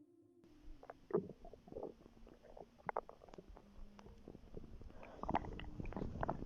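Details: Bowel sounds from a pregnant woman's belly, recorded before contractions began; irregular gurgles, squelches and low rumbling growls over quiet background, with a louder burst near the end: ordinary stomach growling.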